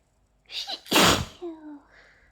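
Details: A person with allergies and an itchy mouth takes a quick in-breath, then gives one explosive sneeze with a brief vocal trailing sound, part of an allergic sneezing fit; sneezing.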